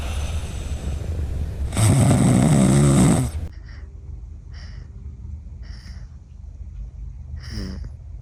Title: A cat that snores like a human #cats #cat #catslove #sleepy #sleepytime #catspa #cats #fyp